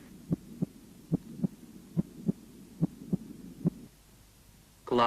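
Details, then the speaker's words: Normal first heart sound at the apex, louder than the second sound; the systolic first sound is made of several components (valvular, muscular, vascular). "в норме на верхушке первый тон громче 2 1 систолический тон состоит из нескольких компонентов"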